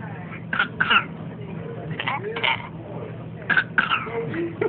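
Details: Infant who has just learned to cough makes several brief, light, deliberate cough sounds in short pairs against a steady background hum.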